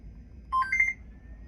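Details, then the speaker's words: Short rising electronic alarm tone from an Airvo heated high-flow nasal cannula system, signalling a blockage such as kinked tubing or prongs; the alarm clears once the blockage is fixed. "There is an alarm silence button if you wanted to silence it while you're trying to work through these troubleshooting things."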